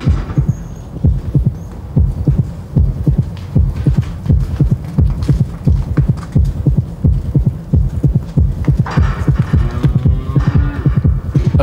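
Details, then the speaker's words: A calf's heartbeat through a strapped-on heartbeat monitor: rapid, regular low thumps about 87 a minute, quickening as the calf is alarmed at the sight of a dog, a fight-or-flight tachycardia stress response. "a heartbeat monitor strapped to this calf allows us to hear its internal response to alarm at the sight of a dog listen to the quickening beat of the heart pumping out blood to Prime other muscle"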